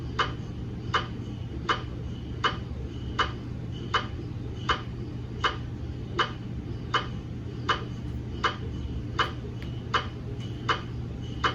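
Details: Gradient noise from a GE MRI scanner during a routine daily quality-assurance scan of a 150 mm head phantom in a head coil: steady, evenly spaced sharp knocking about 80 a minute over a low hum.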